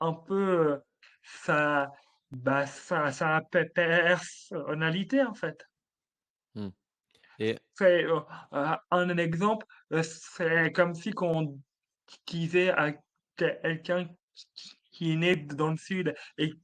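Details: Adult male French comedian with stuttering since childhood, which he describes as part of him, more like an accent; stuttering.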